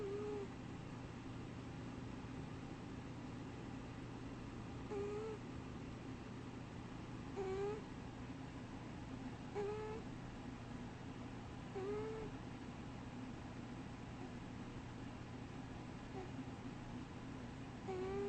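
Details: Soft, high whistling squeaks about every two and a half seconds over quiet breathing while a person sleeps and dreams; wheezing during sleep.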